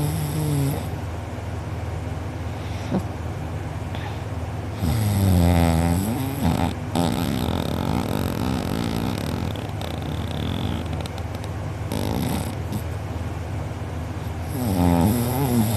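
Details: Person asleep with mouth open; sister recorded. Loud, rough, rattling snores on each breath with a steady vibrating drone; afterwards uvula and soft palate sore, drooling. Heavy snoring.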